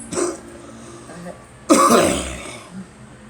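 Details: Cough from a cold that the person blames on a flu shot: two harsh cough bursts, the second louder and longer.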